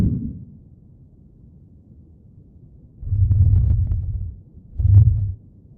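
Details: Simulated chest auscultation: faint, muffled, low-pitched breath sounds with markedly reduced airflow. These are diminished breath sounds, which suggest air or fluid between lung and chest wall, such as pneumothorax or pleural effusion.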